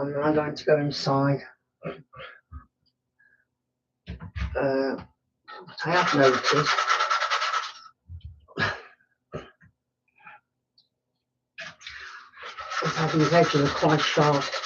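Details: Vocal tics of Tourette syndrome in an adult male woodturner: snorting, panting and throat-clearing sounds while working.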